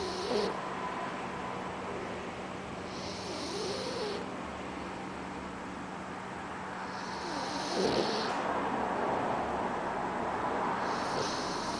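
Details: Soft, steady snoring breaths with light whistling sounds, about four breaths over twelve seconds, from a sleeping Boxer puppy; snoring.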